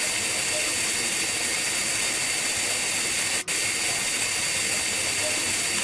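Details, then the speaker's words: High-speed dental handpiece with tilted fissure bur, continuous loud high-pitched hiss with a brief dip, cutting under the cusps to make buccal and lingual walls converge about five degrees occlusally for retention in a Class I amalgam cavity, lower first molar. "they should be converged occlusal II about five degrees this is done by tilting the fissure bur and cutting under the cusps"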